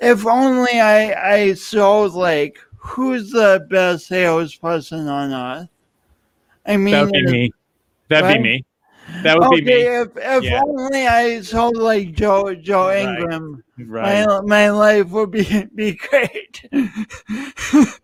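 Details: Adult male speaker; speech impediment.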